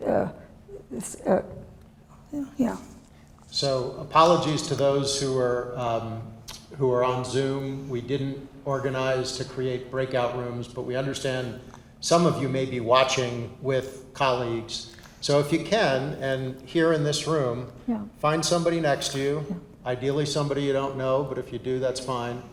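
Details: Adult male speaker; ordinary speech.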